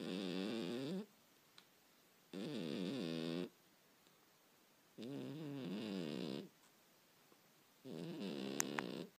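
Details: A sleeping cat snores: four rhythmic, buzzing snores with a wavering tone and quiet pauses between breaths, about 24 a minute.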